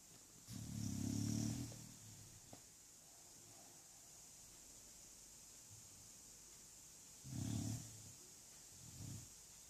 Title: English bulldog snoring igor